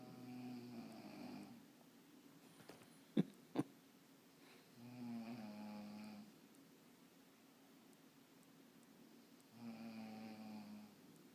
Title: snoring